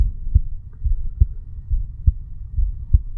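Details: Normal heart sounds of a 35-year-old male sitting on stairs, recorded over the bicuspid (mitral) valve area: steady low thumping heartbeat at about 70 beats a minute, with low background hum.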